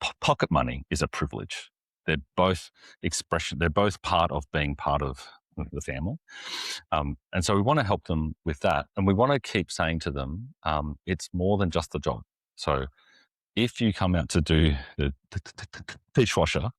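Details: Adult man, an executive pastor who lives and ministers with a stutter; stuttering.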